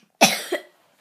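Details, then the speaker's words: Child with a bad cold, sick again and given a breathing machine and medicine: a single harsh cough with a brief second push. "Today I'm sick again. I'm really sick. My mom had to give me this breathing machine, and then I had to take lots of medicine."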